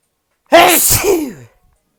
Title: The Sneezes